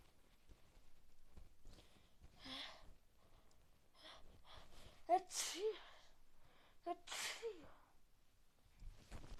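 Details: Person with a very bad cold who can't stop sneezing; quiet breaths building to three or four sharp, hissing sneezes in a row, with a gasp before each; repeated sneezing.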